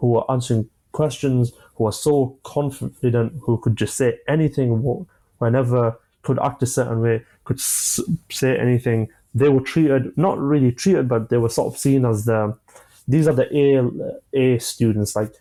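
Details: 25-year-old man with stammering (stuttering) since early childhood, which he says began after an asthma attack; he experiences blocks and manages them with breathing methods and pauses; stuttering.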